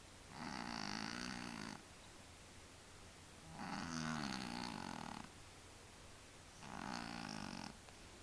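Three drawn-out, buzzing snores on the in-breath, about one every three seconds, with soft background hum.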